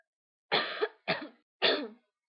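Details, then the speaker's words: Three separate harsh coughs about half a second apart, each fading quickly, in a quiet room, from a person who has been coughing all day and has a cough drop in their mouth; cough. "hey everyone I sound kind of weird because I've been coughing all day and um I have a cough drop in my mouth I might sound a little weird during this video"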